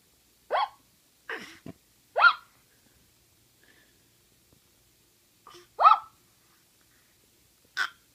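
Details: Baby with short, sharp, jerky bursts at irregular intervals, about six in eight seconds, in a quiet room; hiccups.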